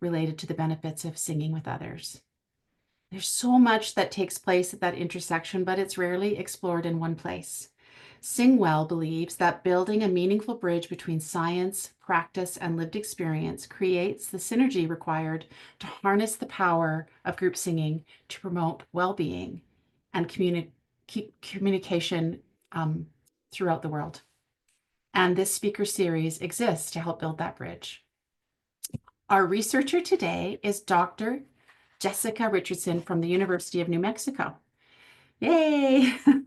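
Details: Adult woman speaking; normal speech.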